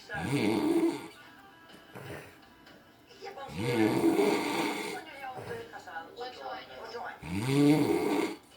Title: Good old sleep, good old snore